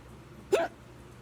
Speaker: Oh my. Man. Some bad hiccups.